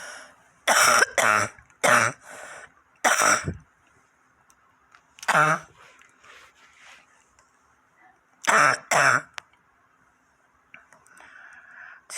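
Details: Harsh, wet cough and throat clearing in clusters from an adult woken around 11:10 pm on the third night by sharp, stinging pain, jelly-like phlegm and headache; the person suspects gas from neighbours caused it.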